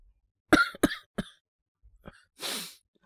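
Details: Acted cough by a male voice actor playing a young man with a cold: three quick dry coughs, a short catch, then a breathy exhale.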